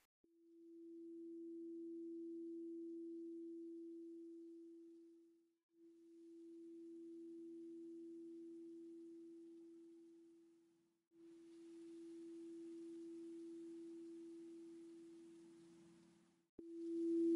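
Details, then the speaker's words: Steady low pure tone in three long stretches with brief breaks: a loudness discomfort test tone, in a simulated ASMR cranial nerve exam roleplay. "I'll determine your tolerance for loud sounds by gradually increasing the volume of a pure tone please let me know when the sound becomes uncomfortably loud"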